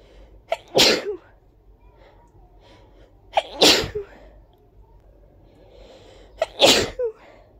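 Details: Three big, wet, forceful sneezes a few seconds apart, each with a short inhaled catch before the explosive burst; sneezing.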